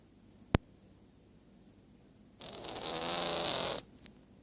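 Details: A sharp click, then a single raspy, buzzing breath lasting about a second and a half from a sleeping cat in a quiet room; cat snoring.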